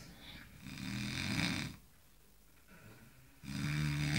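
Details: Engineers napping after a tiring day: loud, rough, rattling inspiratory snores with quiet pauses between breaths; snoring.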